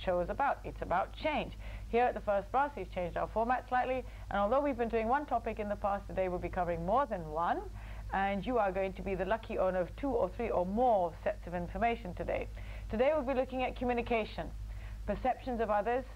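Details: Adult woman speaking; fluent speech.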